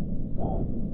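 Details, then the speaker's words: Continuous low whooshing bruit of a working AV fistula for dialysis, heard by stethoscope starting at the anastomosis site and moving up toward the venous outflow; normal access bruit. "next is uh get your stethoscope and uh listen for uh Brewery so start in your anastomosis site"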